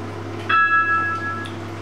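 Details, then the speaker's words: Single clear electronic chime from a home haemodialysis machine over a steady low hum, signalling the end of the treatment session before disconnection and needle removal. "so any minute now machines been pinged which notifies it's the end of treatment"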